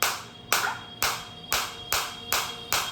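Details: Sharp regular snapping pulses, about two a second, from a high-energy focused (not radial) shockwave therapy device firing as frequency is increased on a self-demonstration.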